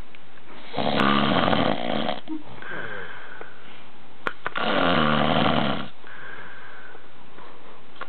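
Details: Snoring from a drunk man who passed out on his sister's bed after a long day of drinking.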